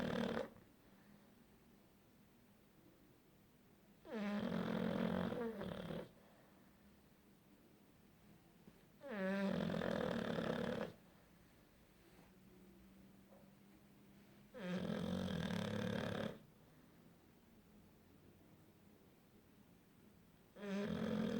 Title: Snoring punch